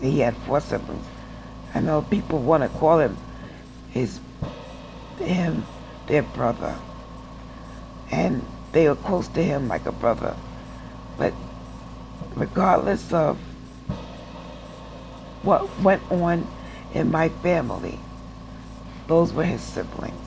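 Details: Adult woman with aphasia after a stroke who reports that she doesn't speak well and is still in speech therapy, in rehab after hospital stays and relearning to walk; aphasia after stroke.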